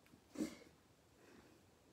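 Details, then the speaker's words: A dog sleeping in the room during a yoga class gives a single faint, brief snorting breath; dog snoring. "That is not me snoring, that is Bertie. Okay, if you can hear snoring, it is the dog."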